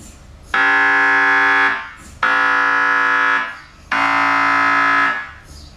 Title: mri sounds